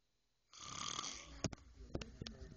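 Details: Snoring during sleep: a long, rough, hissing breath followed by a few sharp snorts and clicks.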